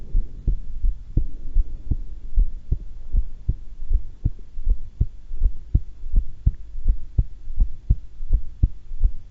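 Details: At rest, calm and not anxious, holding breath twice: steady, regular paired heartbeat thumps about 80 a minute with low hum, no breath noise; normal heart sounds during breath-hold.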